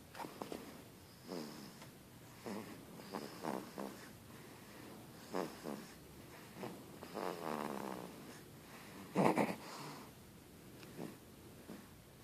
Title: Juju snoring